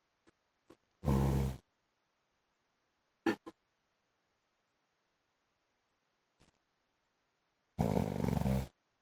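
Two loud, buzzing, rattling snores with a few short snorts and long quiet gaps.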